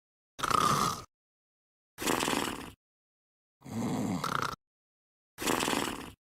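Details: Sleeping dog snoring: four rough, rattling snores about 0.7 to 0.9 seconds long, separated by silent pauses.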